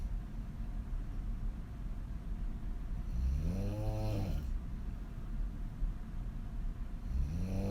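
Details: Adult female snoring lying on her back with mouth wide open; loud, low, buzzing snore on a long inhalation, another starting, over background hiss.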